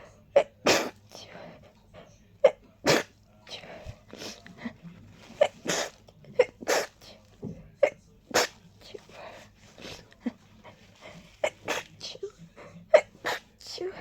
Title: Desperate rapid sneezing 😮‍💨